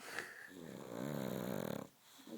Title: Reggie snoring